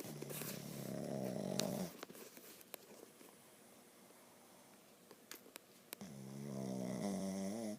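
Two long, rattling, buzzy snores with a quiet pause between them; a sleeping dog snoring.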